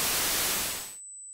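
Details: A burst of hissing white noise, used as sound therapy to reduce perceived tinnitus loudness, fades out and leaves a thin, steady, high-pitched tone simulating tinnitus ringing.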